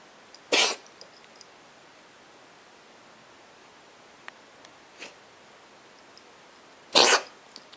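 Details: Dog coughing: two short, harsh coughs several seconds apart in an otherwise quiet room.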